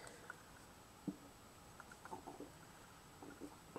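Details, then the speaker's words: Stomach rumbling (borborygmi) of an adult after eating: faint, irregular bubbling gurgles and soft pops in a quiet room, scattered over a few seconds. "that is my stomach you can hear and it sir it has been fed"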